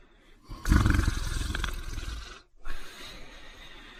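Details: Loud, rough, low rattling snore on one breath, a brief pause, then a softer breath; a man snoring heavily while asleep.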